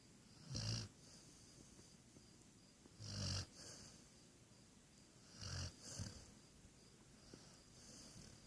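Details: Soft rumbling snores recurring about every two and a half seconds, roughly 23 a minute, over faint room hiss; snoring.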